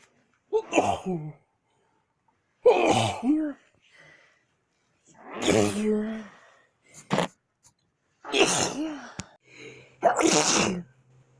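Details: One person's series of about five voiced sneezes, each with a short vocal build-up and an explosive release, separated by brief pauses; sneeze.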